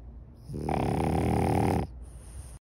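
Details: A single loud, rattling snore lasting just over a second, with a buzzing, fluttering quality against quiet room noise, from a sleeping French bulldog.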